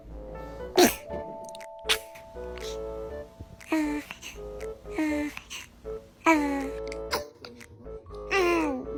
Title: Kids sneezing 😂🤣#baby #funny #fyp #youtube